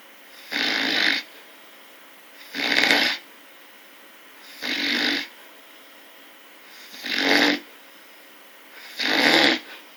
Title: Snoring bear